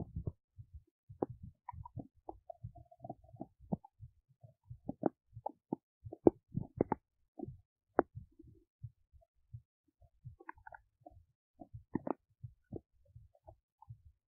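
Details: Big belly noises while digesting oats: irregular gurgles, pops and short rumbles at varying loudness, ordinary digestive bowel sounds.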